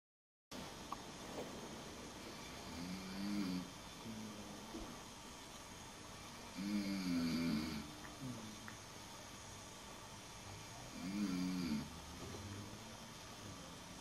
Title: Canadian Snoring